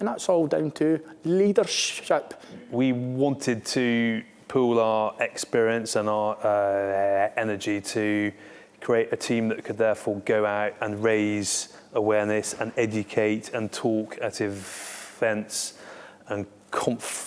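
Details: Stuttering (stammering) in a male Armed Forces serviceman who stammers and co-founded a defence stammering network.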